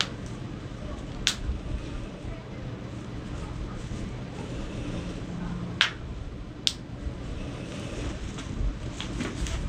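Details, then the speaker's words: Chiropractic manual therapy session with full spine adjustment; three sharp, brief pops over room noise: joint cracking (cavitation). "다시 깍지기고 엎드려 보세요. 역시 소리가 시원시원하게 나요. 아프죠?"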